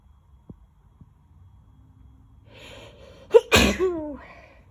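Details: Self-described sneezing fit: a rising breath in, then one forceful sneeze with a voiced tail; only a single sneeze is heard.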